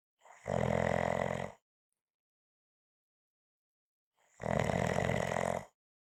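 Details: Two loud, harsh, rattling snores about four seconds apart with silence between; heavy snoring.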